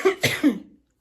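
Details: Cough from an ill girl who could not sleep lying flat: two quick, harsh, voiced coughs fading into a breathy trail.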